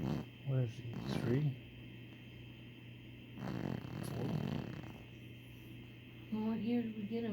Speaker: Sir, a 3-year-old old man Chihuahua. Or at least he snores like an old man.